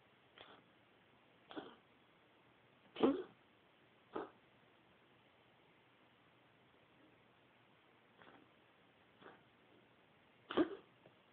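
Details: Pet named Ginger coughing: seven short, separate coughing bursts over about eleven seconds, some louder than others, in a quiet room.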